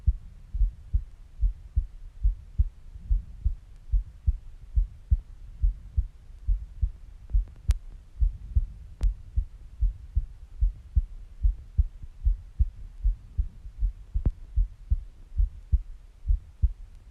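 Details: Female adult's steady, regular low thumping normal heartbeat at about 73 beats a minute with a few faint clicks, recorded for relaxation.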